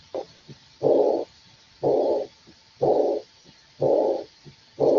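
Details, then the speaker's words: Teaching recording of an aortic regurgitation (insufficiency) murmur, a diastolic murmur, played after an aortic stenosis murmur for contrast. "Ahora vamos a escuchar el soplo de insuficiencia aórtica, ¿no? Vamos a escuchar la insuficiencia aórtica."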